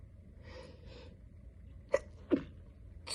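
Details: Induced sneezes during a terrible cold: a few soft breaths, then two short, sharp bursts of sneezing in quick succession.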